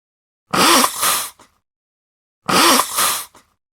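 The same sneeze played twice, each a voiced build-up and a forceful burst, as a plain example of sneezing.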